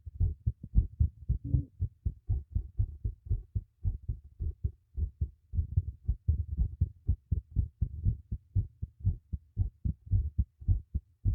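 Steady low double thumps of a heartbeat at roughly 58 beats a minute, clear and strong, with no added sounds.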